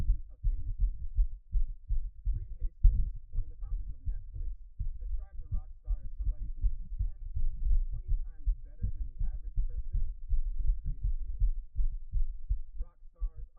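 Fast, deep, pounding heartbeat thuds, somewhat irregular in strength, with low rumbling noise throughout; a rapid heart rate.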